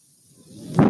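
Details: Breath from the mechanical ventilator of a person speaking on a podcast: a soft airflow whoosh swells quickly into a louder rush, a single ventilator breath.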